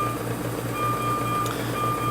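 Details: SERVO-n ventilator in high-frequency oscillation mode: a steady high alarm tone over a low rhythmic machine hum, because the target volume cannot be reached even at maximum amplitude.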